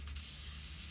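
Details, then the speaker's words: Oxygen cylinder with regulator turned on during an OSCE equipment demonstration, flow rates checked up to 25: steady hiss of oxygen flowing from each outlet; oxygen flow hiss. "so you can hear oxygen coming out at each one of them."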